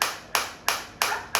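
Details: Focused shockwave therapy device for chronic pain rehabilitation, started at frequency 180 while intensity is stepped up toward 10, with the machine lowering frequency automatically; sharp, regular snapping pulses about three per second, each with a crisp attack and short hiss, demonstrated on the operator's own uninjured body.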